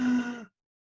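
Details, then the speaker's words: Imitated inspiratory stridor as heard in vocal fold paralysis, when patients have trouble getting air in: a short, harsh, voiced breath-in. "they may have Strider they may have trouble getting air in Strider sounds like this"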